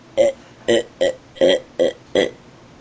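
Six short, voiced belching bursts in quick, even succession, about half a second apart: repeated burping.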